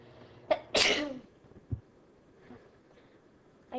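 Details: Woman in her 20s sneezing after putting a Q-tip in her right nostril to trigger it: a short breath in, then a single forceful, hissing sneeze with a faint trailing sound; ordinary induced sneeze.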